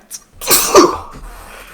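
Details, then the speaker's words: A quick breath in, then a single loud, explosive, hissing adult sneeze with a voiced edge that startled the sneezer, who compared it to an explosion. "my God sorry I'm I sneezed I was uh that shocked me it sounds like an explosion"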